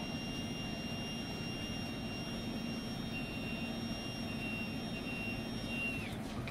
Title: Electric Ear Suction Device